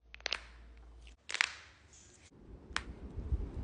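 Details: Knuckle cracking: several sharp, brief pops and clicks of knuckles, with quiet room noise between them.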